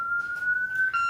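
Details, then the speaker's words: Corpuls defibrillator in manual mode during 2018 training, charging to 200 joules before shocking a shockable rhythm: a steady, slightly rising electronic charging tone. "So to be able to do that, if you just charge it, so we're charging at 200 joules, you'll see the joules go up."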